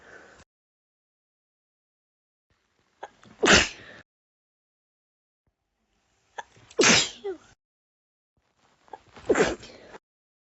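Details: Sneeze attack: four sharp sneeze bursts at irregular intervals, some partly stifled, in a quiet room: a bout of repeated sneezing.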